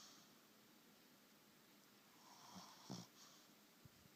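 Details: Dog named Wally snoring while taking a nap; quiet breathing with a soft snorting snore near the end.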